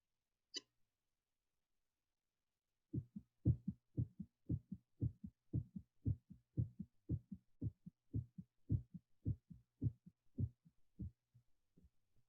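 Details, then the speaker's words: Heartbeat played in a lesson on the circulatory system, beginning at the right atrium: regular paired lub-dub heart sounds at about 110 beats a minute, after a brief click. Normal heartbeat. "Batimento cardíaco. Então, ele se inicia aqui na aurícula direita, tá? Ele vai se espalhando para todo o coração por dentro e retorna pelos ventrículos pela parte de fora."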